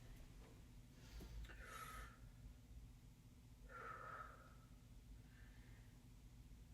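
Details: Normal breath sounds heard while listening to a female patient's lungs during a head-to-toe assessment: two slow, deep breaths in and out on request, soft and even with no wheeze or crackle. Her heart rate was 64.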